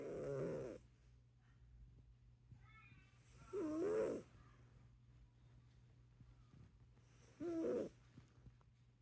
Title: Snoring cat